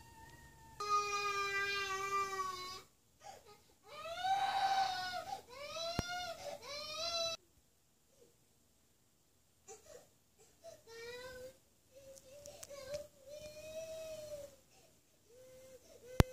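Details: A young child crying in long, high wailing bursts that break off and trail into shorter whimpering sobs in a quiet room.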